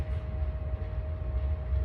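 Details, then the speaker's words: Child's head-to-toe assessment, stethoscope over the left iliac artery after the right: low steady rumble with faint hum and no whooshing bruit, a normal finding with no iliac artery bruit. "and the left iliac artery or trying to hear any brews which i don't know any"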